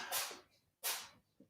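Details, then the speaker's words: A cat named Liz Lemon sneezing: two quick, sharp hissing bursts about a second apart in a quiet room, a pair of small sneezes. "you hear that that's Liz Lemon sneezing this lemon is a Sneezy little cap um so uh yeah that's uh if you heard that you heard Liz Lemon sneezing"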